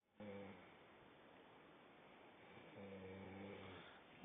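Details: Girl snoring while asleep, staying asleep while filmed: two low, rumbling snores about two seconds apart over steady background hiss; snoring.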